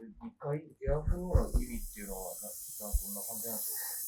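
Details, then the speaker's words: Air polishing (Airflow) spray during a final pass of dental cleaning, after ultrasonic scaling, in a 55-year-old woman with inflamed, bleeding gums and implants: brief voice, then steady high hissing. "Ultrasonic cleaning is used to take off plaque that can't be removed by Airflow I'm going to do Airflow one last time"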